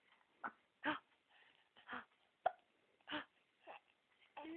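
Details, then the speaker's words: Quick, repeated short breath catches with a small voiced jerk, about one every half second, in an 8-week-2-day-old baby looking at the camera; infant hiccups. "somebody's got hiccups it's you it's you you have hiccups don't you yeah little baby"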